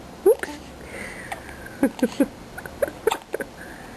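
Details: A series of short, sharp hiccups from a 5-week-old baby, repeating every fraction of a second in a quiet room; hiccups.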